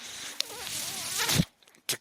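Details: Speaker's own mechanical ventilator heard during a podcast recording: a sustained airy whoosh with faint squeaky tones, then a brief pause and a short puff, the ventilator cycling; mechanical ventilator sound.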